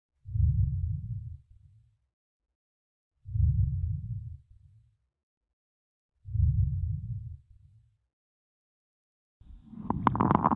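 Soft low rustling breath sounds, about 20 breaths a minute, quiet pauses between; normal breath sounds, then a brief rubbing noise at the end.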